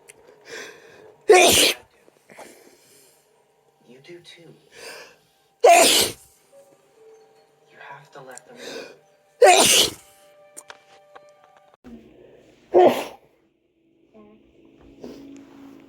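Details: Adult male sneezing fit induced with chhikini sneezing powder: four forceful sneezes, each after a short in-breath, with faint music and noises between them.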